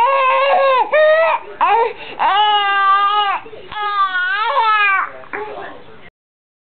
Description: My son at 4 months old with Laryngomalacia.